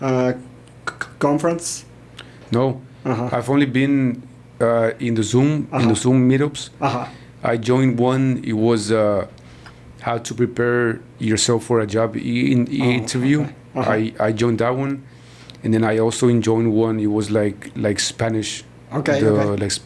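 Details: Stuttering in an adult man born in Mexico and living in Texas who describes himself as a person who stutters.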